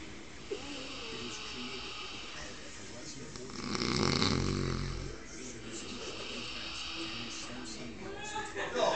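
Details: Man in deep sleep: one loud rough snoring breath in the middle, over background noise with faint music or talk; snoring.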